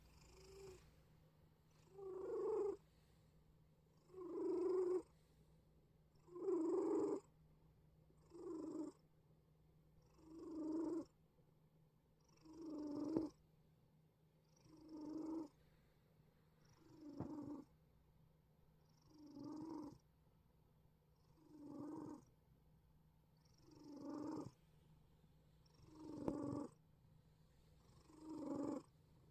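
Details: Sleeping black cat makes regular noisy, slightly whistling breaths, about 28 a minute; a wheezy snore.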